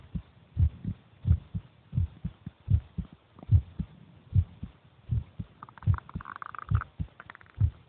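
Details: Brother's heartbeat recorded while he is eating: steady paired heart sounds about 74 a minute, brief chewing or rubbing noise near the end; normal heartbeat.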